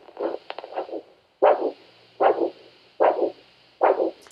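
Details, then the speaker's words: Doppler over the tibial arteries during a podiatry baseline check: steady, regular whooshing pulse at about 75 per minute with no missed beats, indicating good elasticity and rhythm; normal triphasic arterial Doppler pulse. "So not only are we listening to the elasticity, but we're listening for the regularity."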